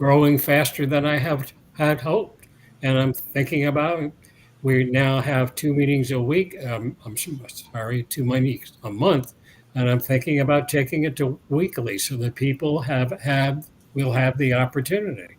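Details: Adult man years after a 2017 stroke that caused aphasia and loss of mobility, with speech regained but residual word-finding difficulty that worsens when tired, dehydrated or agitated; residual aphasia (word-finding difficulty).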